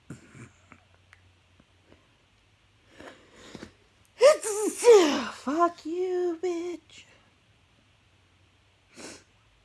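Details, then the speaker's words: An adult, tipsy while eating pizza, sniffs through a quiet run-up, then gives a loud voiced sneeze followed by a few short, high-pitched sneezy cries amid angry swearing; ordinary sneezing. "Oh, here we go. Here another fucking sneeze."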